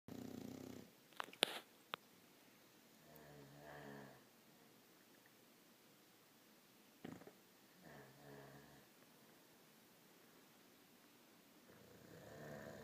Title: Snoring-In-Sync